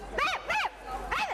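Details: 12-year-old boy with Tourette syndrome, who has both motor and vocal tics, barks uncontrollably at camp after other children's screams set off a chain reaction of tics; vocal tic (barking) in Tourette syndrome.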